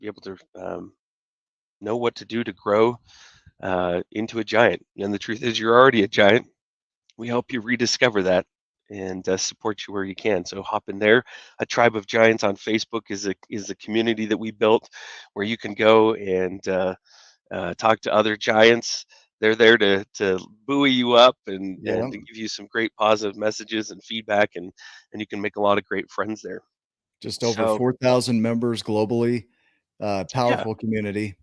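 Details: Adult male speaker; plain speech.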